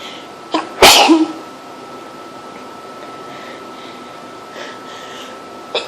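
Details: A single sharp, explosive sneeze with a quick intake before it, then quiet room noise, from a person extremely allergic to cats, in a house with cat hair everywhere; sneezing.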